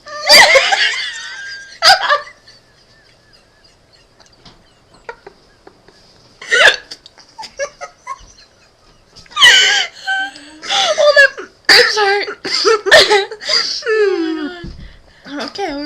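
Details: Two adults with hiccups at the same time: sharp, abrupt vocal catches mixed with bursts of laughter.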